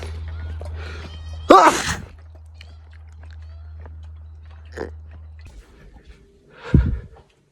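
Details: Adult sneezing sharply a few times during pollen season, each burst abrupt and explosive, over a steady low hum: sneeze.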